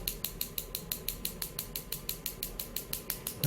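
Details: Sharp regular clicking pulses about one per second from a focused extracorporeal shockwave device treating the biceps femoris (hamstring).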